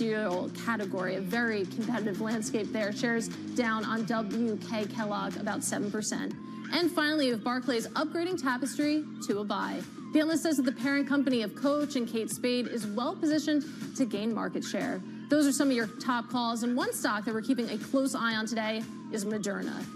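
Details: Adult female news host; normal voice.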